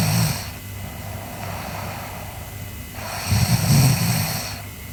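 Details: Sleeping girl snoring: low rattling snores on breathing in, two cycles over a few seconds, with steady background hiss.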